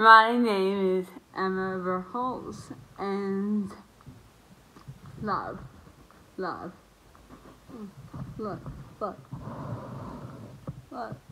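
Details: Dysarthria in a woman who lost the ability to speak properly about a year and a half earlier due to an autoimmune reaction to a virus.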